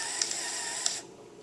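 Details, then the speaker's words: Brief high-pitched whirring motor with faint clicks, stopping after about a second: CADD infusion pump motor running while priming the tubing for a child's TPN, pushing fluid through as volume numbers change. "you'll hear the pump as it pushes the fluid through you'll also see that the numbers on the pump are changing"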